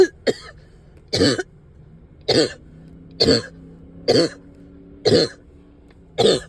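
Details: Adult up all night with heavy chest and headache: eight harsh, rattly cough bursts about a second apart, a productive wet cough with sticky phlegm.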